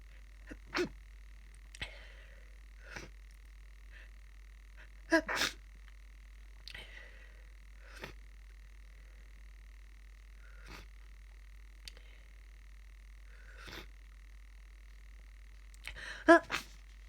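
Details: Tired person with a cold sneezing repeatedly into a tissue, muffled, some sneezes in quick pairs, over a steady background hum; sneezing.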